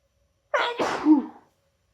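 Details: Adult with an annual cold, sneezing induced by snuff (chhinkni) after holding sneezes in at work all day: quick intake of breath, then a forceful voiced sneeze that tails off.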